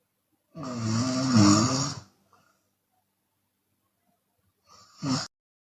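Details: A long, loud, throaty snore, silence, then a short second snore, from a Chinese woman snoring with her mouth open during sleep.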